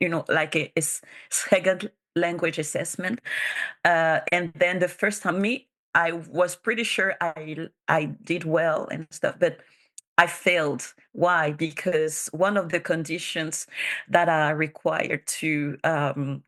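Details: Bilingual adult woman who stutters and has self-declared her stutter as a disability; real conference speech, consistent with stuttering.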